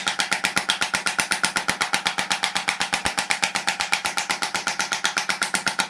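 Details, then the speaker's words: Shockwave therapy for tennis elbow, pressure about 100–110 at a high frequency rising to about 14–15; the patient has thickening of the distal tendons. Rapid, very regular sharp clicking pulses at about 4 per second. "with the shockwave you can go reasonably high on the pressure so I would say hundred hundred and ten"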